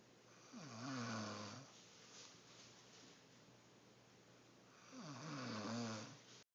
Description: My sister is taking a nap in her bed and her snoring began as soon as her head touched the pillow!